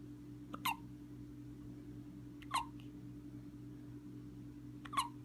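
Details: Ethan, a child sitting with his father, gives three short, sharp hiccups about two seconds apart over a steady low room hum; hiccups.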